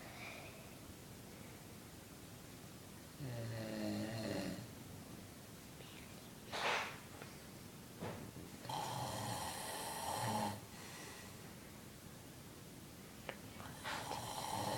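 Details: A sleeping person snoring: loud rattling snores a few breaths apart, with quieter breathing between them over steady room noise.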